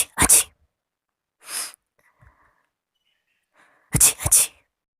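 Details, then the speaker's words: Acted sneezes: a quick double sneeze, a single one, then another double, with soft breaths between. "तो आज का जो हमारा पहला स्नीजर है वो है साइलेंट स्नीजर। देखिए, छी, छी।"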